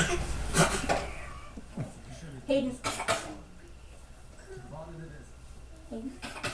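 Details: Voluntary fake cough in a 5.5-month-old infant: a few short, deliberate, playful cough-like bursts between soft babbling sounds.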